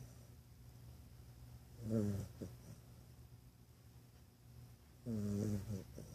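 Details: Dog napping, possibly dreaming: two short, buzzing snores with small snorts on the breath in, over quiet room noise; ordinary snoring.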